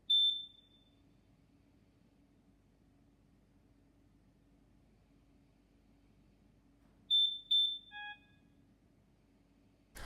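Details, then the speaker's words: Trilogy Evo home ventilator being switched on, slow to power up, used by a long-term ventilator user: short high electronic beeps, then a falling series of tones over faint room hum. "When turning on the Trilogy Evo, it takes a long time for the machine to power up."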